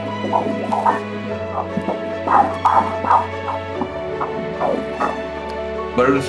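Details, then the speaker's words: Fetal heartbeat on Doppler: rapid whooshing pulses at 155 beats per minute, normal; the sound is irregular because the baby is moving and the sensor shifts. "is irregular because the baby is moving, so the sensor is not in the same spot. That's why the noise gets a little weird but here the heart rate is... oops, I was wrong 155. 155 beats per minute, it's normal."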